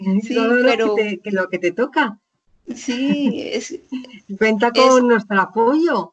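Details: Woman with chronic aphasia after a stroke about 20 years ago, speaking in an interview.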